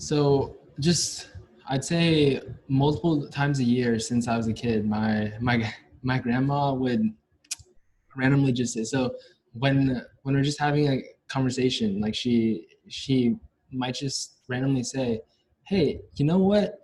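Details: Stuttering in a young adult male university senior, onset at about age five or six, with a family history: his biological father and maternal grandfather also stutter.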